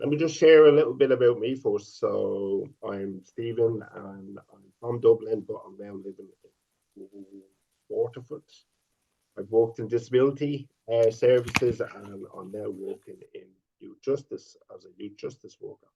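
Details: 50-year-old man who has stuttered since age five; stuttering.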